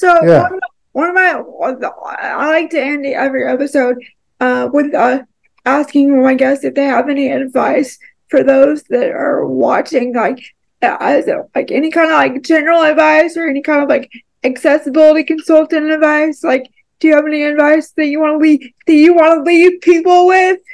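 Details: Adult woman with cerebral palsy; dysarthria (cerebral palsy)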